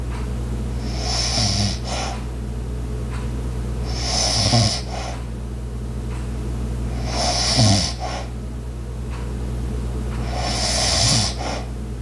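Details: Light, regular snoring with airy rasping breaths about every 3 seconds, near 18 a minute, over constant low room hum and household sounds such as an ice maker and clock; snoring.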